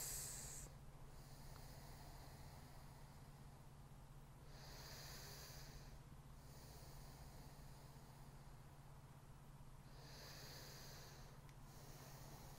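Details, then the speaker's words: Long Covid airway-clearance demonstration (active cycle of breathing technique): slow, smooth, even deep breaths about every five seconds, filling the tummy, rib cage and up to the collarbones, between relaxed tummy breathing. "let's repeat the cycle of deep breaths aiming for this to feel smooth and even and taken back to those deep breaths"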